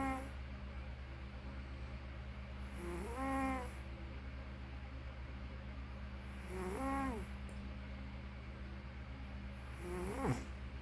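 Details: Snoring in sleep: three breaths about every 3.5 seconds, each a short pitched squeak or whistle, over a steady low room hum.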